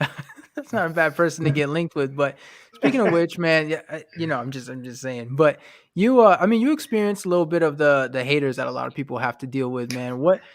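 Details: Adult man speaking; normal conversational speech.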